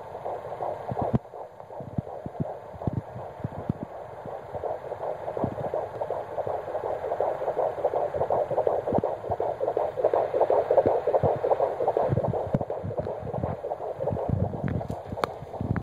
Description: the sound of my babys heartbeat.